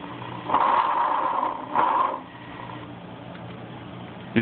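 Soft, low rustling on breathing in, with a shorter, quieter breath out: normal vesicular breath sounds over the lung.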